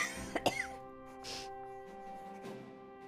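A short cluster of two or three sharp, dry coughs, then a faint throat clear, over steady game music. Finding: cough.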